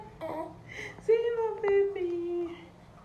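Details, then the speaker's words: Baby boy with catarrh and cough, on prescribed medication and crying nonstop since morning, fusses and cries in short, whiny, tonal bursts: infant crying. "SM is irritating him okay don't cry don't cry don't cry my baby don't cry"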